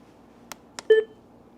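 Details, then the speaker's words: AED training demonstration: two faint clicks, then a short clear electronic beep in a quiet room, the device's prompt tone before its instruction to remove the packet and apply pads to the patient's bare skin. "The next audible prompt that I receive from the device is to remove the packet and to apply the pads to the patient's bare skin."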